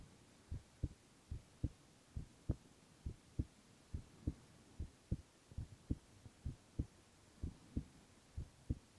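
Steady paired low thumps, about 90 beats a minute, with a quiet hum behind; ordinary heartbeat.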